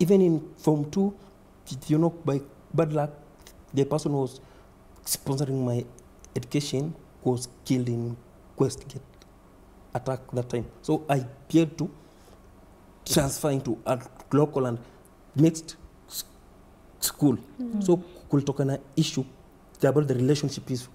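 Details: Adult man who stammers, reporting repetition, blocks and prolongation; stuttering.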